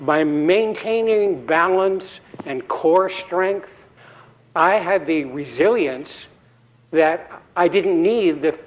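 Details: Adult man giving a TEDx talk after a 2017 embolic stroke due to atrial fibrillation, at an earlier recovery stage. He later says he was still speaking poorly then. Recovering post-stroke aphasia.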